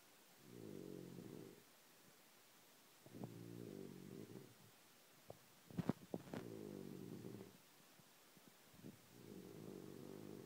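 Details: Rough, fluttering snores on each in-breath every three to four seconds, with quiet pauses and snorts, from an adult man who denies snoring; ordinary snoring.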